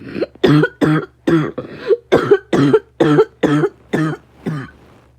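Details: A rapid coughing fit of about ten short, voiced coughs in five seconds, each a sharp burst.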